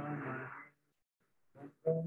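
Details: Musically adept male patient in awake craniotomy, left temporal lobe exposed, singing a familiar song during electrical stimulation of Wernicke's area; lyrics become garbled and disappear while melody stays intact; transient stimulation-induced aphasia during singing.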